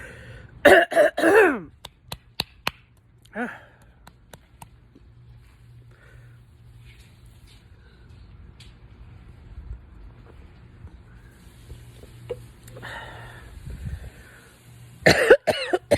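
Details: An adult non-smoker imitates a smoker's cough: harsh, rattly coughing and throat-clearing bursts with quiet gaps between, leaving watery eyes; imitated smoker's cough.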